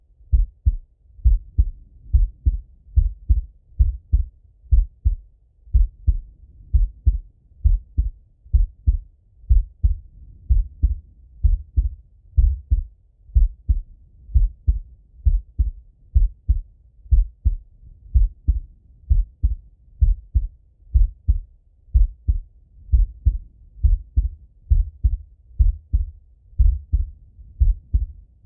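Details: Adult male auscultating his own heart while falling asleep: steady, regular heartbeat at about 65 beats a minute with clear paired lub-dub sounds, normal.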